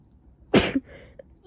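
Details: Single sharp explosive sneeze with a short trailing breath, from someone who woke with a stuffy nose, sneezing, coughing, severe headache and later a fever, and suspects another cold.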